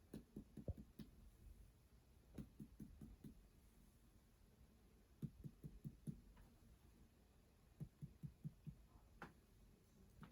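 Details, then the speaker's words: Groups of quick, hollow taps from percussion of each abdominal quadrant, starting at the lower right, on a female patient after normal bowel sounds during a head-to-toe exam; tympanic abdominal percussion note, the expected finding. "Okay, so the sounds in your abdomen was timpani. That's what we're looking for."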